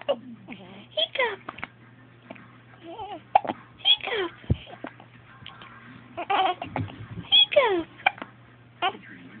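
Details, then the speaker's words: Baby girl with hiccups: short, sharp catching sounds break up her voice while an adult talks; hiccups. "the hiccups. Oh. You got the hiccups, little girl. Oh, goodness."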